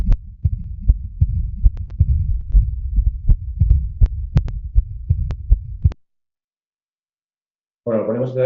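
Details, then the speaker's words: Digital stethoscope recording of pulmonary regurgitation in a patient with right bundle branch block: first sound, split second sound, then a low diastolic murmur after the second sound. "Y aquí tenemos una insuficiencia pulmonar. Este es el primer ruido, esta es la es el segundo ruido que está desdoblado, tenía bloqueo rama derecha y lo que tiene es el soplo diastólico."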